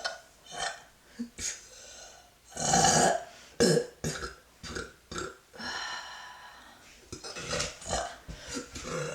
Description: Don't mind the knee pads, was working outside and needed a burp break :)